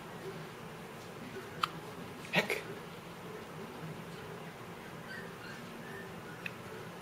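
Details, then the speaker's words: Newborn baby just after feeding, with a few short, sudden, catch-like hiccup sounds in a quiet room; infant hiccups. "got the hiccups. We got the hiccups."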